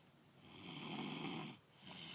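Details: Person asleep after getting home from school, spring 2013, snoring: one long, rough, rattling breath during sleep, then a quieter breath starting.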